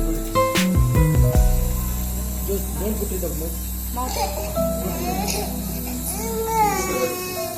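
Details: Infant with a cold and cough fusses and cries during nebulizer treatment, over the steady low hum of the running nebulizer, with brief music first.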